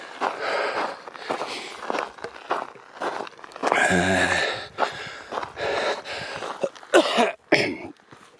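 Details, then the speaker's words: Repeated harsh cough bursts with heavy breathing between them, recorded outdoors on a hill walk against wind noise; ongoing cough that the person says is clearing their lungs. "As you can hear, I'm still coughing, but it's clearing my lungs."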